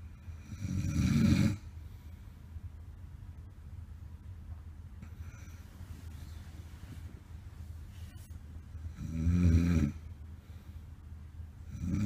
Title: SNORING zzz...